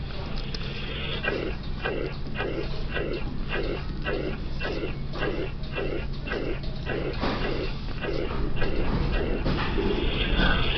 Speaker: So now this patient has a high-pitched uniform systolic murmur occurring at the apex. What is the most likely diagnosis? Mitral regurgitation.